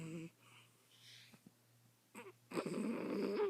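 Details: Old cat Dib sleeping contentedly and smiling on a bed, head not against anything: soft, rattly snoring, faint at first, then louder and raspy near the end, in a quiet room.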